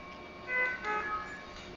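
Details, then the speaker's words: Puritan Bennett ventilator during user training: short series of clear electronic chime tones after alarm limits are adjusted, with the light turning orange; a medium-priority alarm signalling a non-urgent problem. "the earlier on it was green in color green in color when the lighting is in green in color meaning to say that it's happy everything is good but now there's alarm and that's the tone of the land once it's in Orange something is wrong but it's not that urgent"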